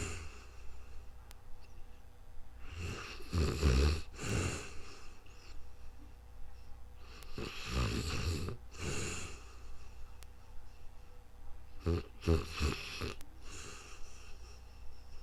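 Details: Snoring during sleep: loud, rough low snores with breathing sounds, in irregular bursts about every four to five seconds.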